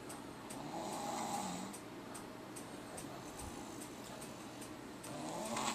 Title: Snoring 9 4 2012